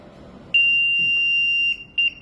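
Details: LTV transport ventilator during maintenance functional testing: a steady high-pitched alarm tone of about a second, then a short second beep, as it powers on instead of entering the leak test because the buttons were not pressed together.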